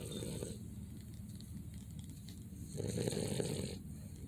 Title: Dogs Snoring (Boston Terrier)